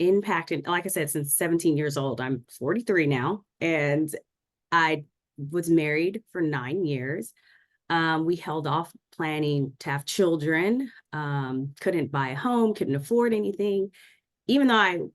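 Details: Adult woman speaking; Normal speech.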